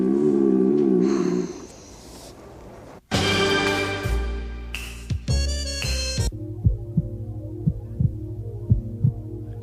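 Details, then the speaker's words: Regular paired lub-dub heart sounds at about 60 a minute, following music and noise, in a science education program; normal heartbeat. "that it's the sound of a heartbeat people say it goes L dub"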